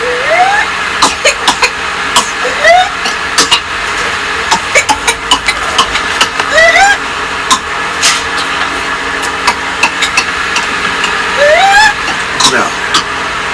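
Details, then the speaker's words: Whooping cough (pertussis) paroxysm in a male patient: runs of rapid, short, deep coughs broken by high, rising crowing inspiratory whoops as he finally gasps for breath, followed by collapse from exhaustion. "It's not like a normal cough; it's a deep cough, and it's followed by this really kind of weird, strong inhalation of breath because when they're coughing, they can't breathe, and so when they finally get the chance to breathe, they do a huge inhalation, like [gasp], and that's the "whoop.""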